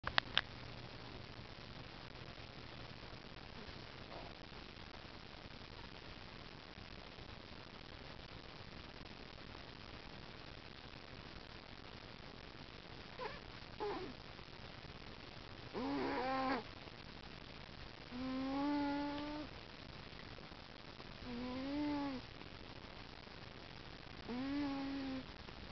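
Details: A sleeping cat snoring softly, with whistling, squeaky snores at a regular breathing rhythm after a quiet start.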